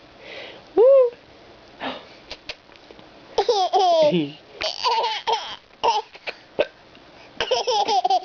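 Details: A mother's hiccups, heard by her small child for the first time: short abrupt catches of breath amid the child's giggling and babbling.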